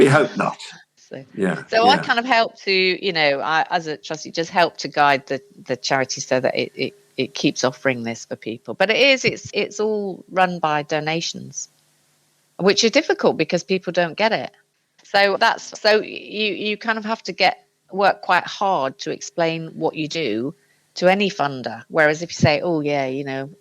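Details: Aphasia after a stroke in an adult man, heard in conversational speech; aphasia.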